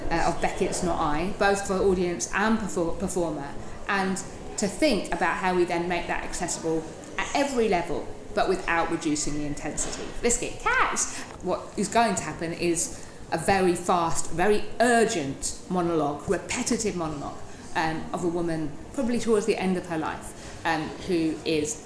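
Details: Adult woman with Tourette syndrome, a neurological condition causing uncontrollable movements and noises; involuntary word tics plus a rhythmic chest-banging tic, and she wears padded gloves against soreness; Tourette syndrome vocal tics.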